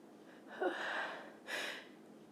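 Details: Female sneezing: a drawn-in breath followed by a sharp burst of air, the gasp and release of a sneeze.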